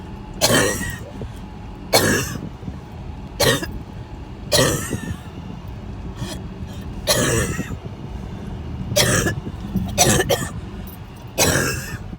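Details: About nine harsh coughs in twelve seconds, some in quick pairs, over steady car road noise, during a series of coughing attacks on the way to the ER; coughing fit.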